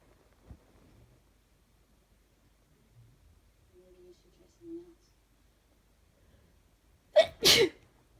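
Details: Sneezing from a cold caught from another person: quiet breathing, then a sudden sharp two-part sneeze with a quick intake and forceful burst; wet cold sneezes.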